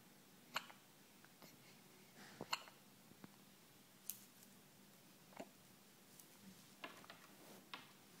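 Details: Two days old, with hiccups: soft, sharp hiccup-like clicks and gulps at irregular intervals, roughly 30 a minute, in a quiet room.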